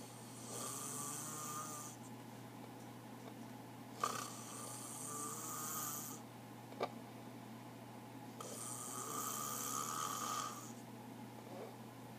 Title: Snoring